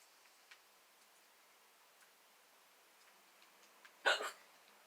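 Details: Hiccups from a girl, started after laughing while slouching, worsened after drinking too much water following Tums; later found likely acid reflux disease. One sudden sharp gulping hiccup, loud and brief with a short trailing catch, in a quiet room.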